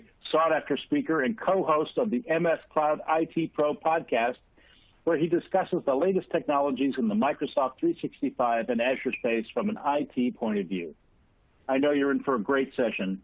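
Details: Adult male speaker; normal voice.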